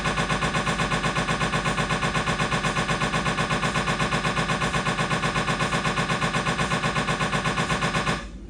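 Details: Siemens MAGNETOM Lumina 3 T MRI, lumbar spine, T1-weighted sagittal turbo spin echo sequence: loud, fast, steady mechanical knocking about four pulses a second, stopping abruptly.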